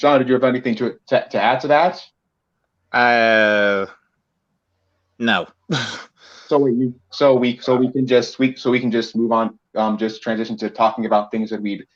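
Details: Male co-host who self-reports a bit of a speech impediment of unspecified type: speech disfluency (repetitions).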